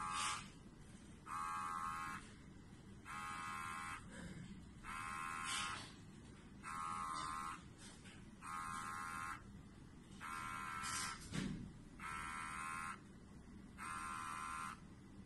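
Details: XB-500 micro syringe pump for Desferal infusion in thalassemia: repeated bursts of electric motor whine about every 1.7 seconds, normal running.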